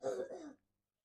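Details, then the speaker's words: Child with a chest infection, coughing on request during chest physiotherapy with cupping percussion to bring up phlegm: one short, rough cough. "बेटा खांसी करो करो, ठीक है, खांसी करो, शाबाश, खांसी करो, खांसी करो, खांसी।"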